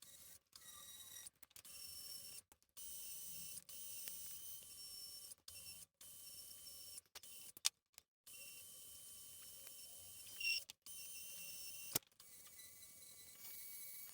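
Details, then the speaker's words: High-speed dental drill with a finer-grit diamond bur of the same tip shape, smoothing a crown tooth preparation on a mannequin after gross reduction: a high-pitched whine in bursts of several seconds with brief stops. "Então agora eu vou com a f a mesma broca só que mesmo formato de ponta diamantada Só que mais fino diamante e vou lá"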